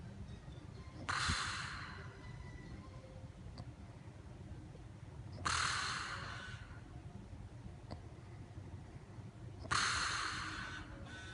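Three harsh, hissing, snort-like breaths come about 14 per minute over steady low background rumble. This is noisy snoring.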